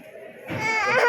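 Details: Baby girl crying at an injection: a soft whimper, then a brief, rising, high-pitched wail; an infant crying in distress.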